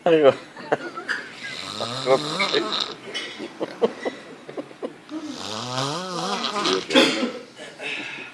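Loud, voiced snoring with moaning, rising pitch swoops and whistly noises, an unusually tonal snore.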